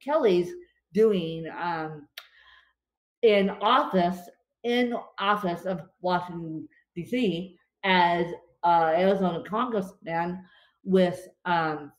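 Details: Adult woman with cerebral palsy affecting limbs and brain, speaking after a bad spasm day and describing her speech as tongue-tied today; dysarthria (cerebral palsy).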